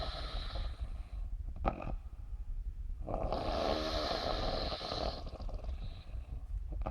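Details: Female sleeper snoring, rough rattling snore bursts with a whistling nasal tone, playing tunes with her nose; noisy breathing through a narrowed upper airway.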